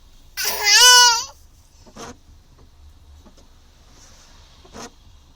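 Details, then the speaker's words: Infant with hiccups laughing hard: one loud, high, squealing laugh followed by a few faint, short sounds. "I didn't know hiccups would make you laugh so hard."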